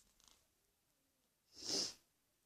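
A quiet room, then one short, sharp, hissing burst: a single sneeze.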